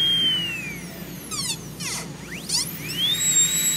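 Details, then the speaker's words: Dental drill with a high-pitched whine rising and falling in short bursts, shaving the cusps of tooth #18 on a typodont back to their original position during an MOD ceramic onlay preparation. "I'm not even measuring I'm just shaving until the Custis return where they were and that tells me how much you take away"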